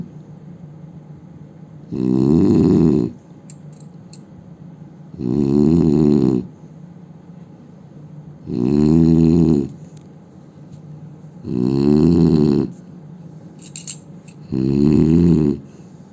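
Loud, rattling snores on each breath in, about five in sixteen seconds, roughly 19 a minute, in a quiet room.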